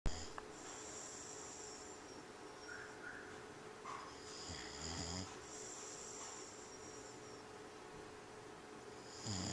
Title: Sleeping & Snoring